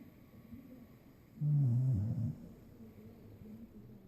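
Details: Puppy snoring after a long, tiring day: a single deep, rumbling snore lasting about a second over quiet room noise.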